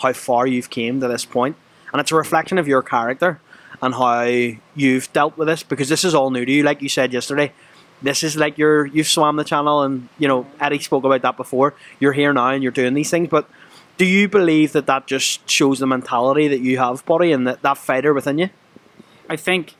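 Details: Adult male interviewer; no speech disorder.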